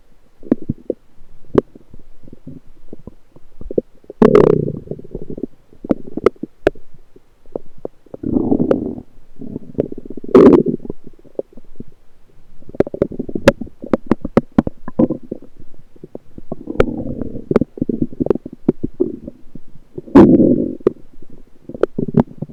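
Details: Irregular gurgling and bubbling bowel sounds from the recorder's own lower abdomen, recorded with a USB electronic stethoscope.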